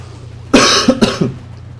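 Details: Coughing during gameplay commentary: a quick run of two or three harsh coughs over a steady low background hum.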